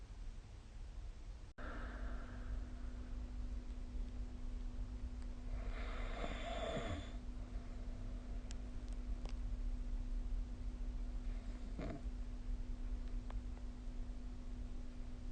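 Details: A steady room hum with a couple of low, rough snoring breaths during sleep, recorded with the SnoreLab snoring app.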